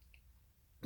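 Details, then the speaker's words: Adult woman with myasthenia gravis, throat muscles fatiguing as she talks: a brief quiet pause, then two short guttural throat-clearing bursts. She describes an urge to clear her throat that clearing does not relieve. "it just feels like you need to clear your throat but even if you clear"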